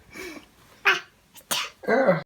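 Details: Baby copying a sneeze: several short, sharp sneeze-like bursts, the later ones from a small child imitating the sneeze; mimicked sneezing.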